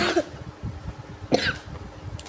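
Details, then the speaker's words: Person with a cold coughing repeatedly while eating a jelly snack: cough. "just coughed a lot, that's all. Please just do not comment, are you okay? I literally have a cold."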